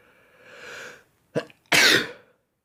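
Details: Male with pollen allergy sneezing repeatedly: a drawn-in breath, a short catch, then one loud explosive burst; a single sneeze, with tissue use and nose-blowing around it.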